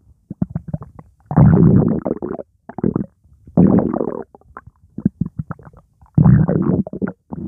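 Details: Stomach gurgling after drinking Coca-Cola: loud, bubbling gurgles and rumbles in bursts with short pops as fluid and gas move; borborygmi.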